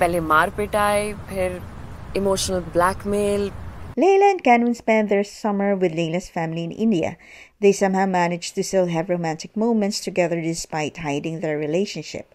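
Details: Adult female narrator; normal speech.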